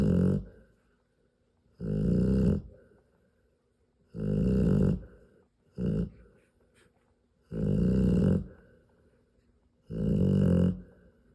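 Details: Loud snoring from a sleeping Rottweiler mother nursing her 10 three-day-old puppies.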